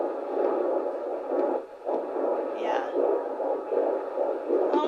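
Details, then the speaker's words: Doppler at 14 weeks of pregnancy: rapid, whooshing fetal heartbeat at about 150 to 160 a minute, with the slower maternal pulse in the background. "that's the heartbeat yeah you hear that yeah at first i was like what is that it's a really fast one"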